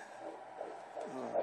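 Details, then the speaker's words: Fetal heartbeat, first heartbeat recording, on Doppler at a prenatal appointment, described as strong: rapid, regular whooshing pulses over steady hum at roughly 150–160 beats a minute. "it sounds strong either way"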